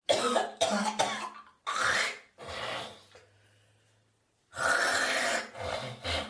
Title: morning coughing and spitting